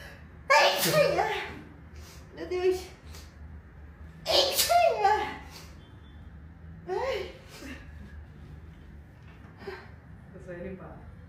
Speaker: I feel like I only sneeze in increments of like Bless you. Thank you. Anyway, sorry about that.